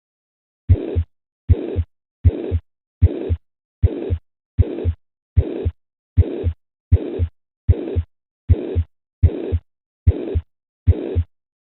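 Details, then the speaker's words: Typical aortic stenosis systolic murmur, mixing high and low pitches so it sounds subjectively high-pitched with a very harsh quality. "the way our brain perceives this scenario is that the pitch subjectively sounds high but the quality of the sound is very harsh"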